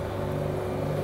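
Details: Steady low motor hum with a droning whir from a medical suction machine (aspirator) just switched on during a demonstration, vacuum set around 300 with jars and filter attached.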